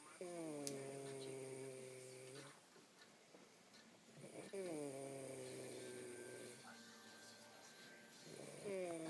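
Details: Person snoring with long, tonal, hooting breaths about every four seconds, with quiet pauses between them.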